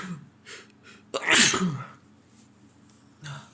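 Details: Adult man (boyfriend) sneezing repeatedly through the day, with a partner hoping he isn't getting a cold again; quick in-breaths build to one loud, sharp sneeze followed by quiet breathing; a single ordinary sneeze.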